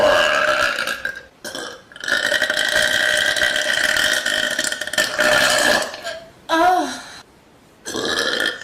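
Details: Young woman repeatedly burping loudly on a couch, several long, loud, voiced belches with short pauses and one brief higher vocal sound; compilation.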